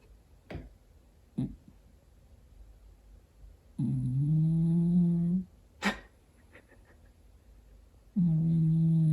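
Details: Big fat 9 kg rescue cat snoring with a grinding "gigigi" sound: two loud, sustained, droning snores about four seconds apart, with brief snuffling between, in a quiet room.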